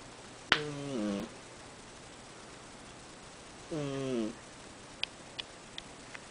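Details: An 8-year-old cat gives two tonal, slightly whistling snores about three seconds apart in a quiet room.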